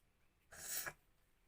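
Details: Sneezing challenge with pepper and no handkerchief: one soft, brief, hissing sneeze burst set off by tickling the nose; a normal sneeze.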